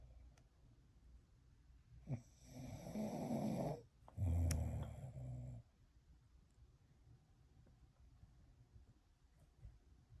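Two loud, deep, rumbling snores in close succession, followed by quiet breathing. Snoring.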